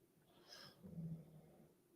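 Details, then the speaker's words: A pet named Buster snoring in the background during a recording. "Buster's snoring if you can hear that."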